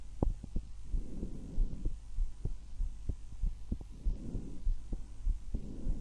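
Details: Normal heart and breath sounds from the recordist's own chest, one of six auscultation sites: regular heart thumps at about 98 a minute with soft breath sounds swelling and fading between them.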